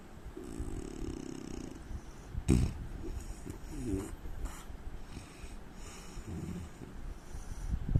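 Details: Adult Indian man: low, rumbling snoring with snorting sounds over steady background noise; snoring during sleep.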